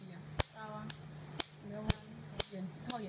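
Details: Q-switched YAG laser for tattoo and freckle removal, treated area near the eye, patient says the higher setting hurts: sharp snapping clicks about twice a second over quiet room noise and faint talk; laser pulse clicks.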